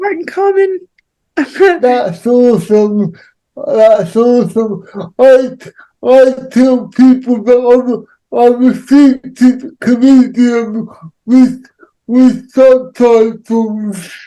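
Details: Adult man with cerebral palsy; dysarthric speech in cerebral palsy.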